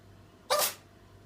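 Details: Ginger cat: a single short, sharp hissing sneeze in a quiet room.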